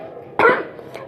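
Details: Cough from a woman recounting her illness in a devotional talk; she says the cough is still coming; cough.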